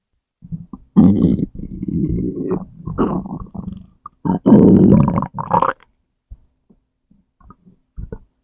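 Loud, long, low gurgling growls with short pops and squeaks in a quiet room: bowel sounds from gas and fluid moving through the gut.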